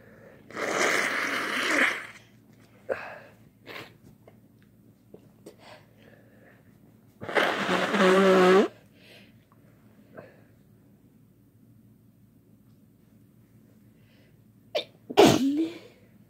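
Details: Three loud, drawn-out sneezes spread through the clip, with small breaths and sniffs between them over a low room hum; people having fun sneezing together.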